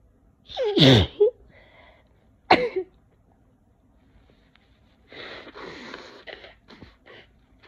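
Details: Two loud, wet sneezes, then sniffing and snuffly nose noises, from an adult sick with a cold.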